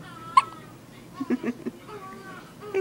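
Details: A newborn baby boy with hiccups: a sudden sharp hiccup, then a few soft, brief grunting sounds over quiet room noise.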